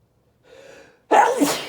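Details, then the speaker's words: Man near the end of chhinkni-induced sneezing fits: a short indrawn breath, then one forceful sneeze from nasal irritation. "I'm gonna sneeze again, I think."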